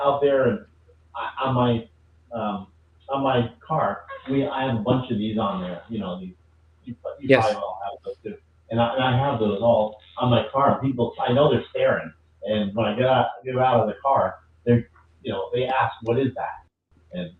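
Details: Woman with aphasia after a stroke, a member of an aphasia support group; word errors are heard; aphasia.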